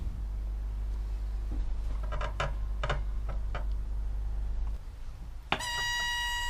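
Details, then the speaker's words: Switch-on self-check of a PneuPac ParaPac transport ventilator: clicks and one brief burst of the high-pressure audible alarm over low room hum, while the orange indicator flashes for 60 seconds. This is a normal self-test alarm. "there should be one burst of the high-pressure audible alarm and the orange indicator should flash for 60 seconds"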